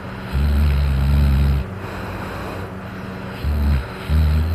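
Loud, low, rumbling snores in repeated bursts with quieter breaths between: heavy snoring.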